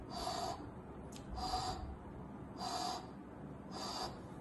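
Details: Vocal imitation of mitral regurgitation: a soft pansystolic murmur radiating toward the axilla, as breathy blowing sounds in a repeating rhythm.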